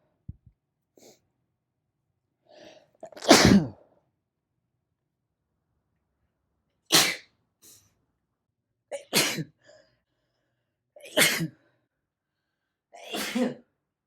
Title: Natural sneezes compilation